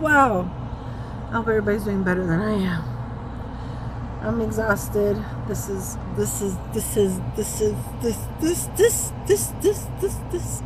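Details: Woman with Tourette syndrome during a tic attack, repeating words and interjections mid-story; she reports trouble speaking. Tourette syndrome vocal tics.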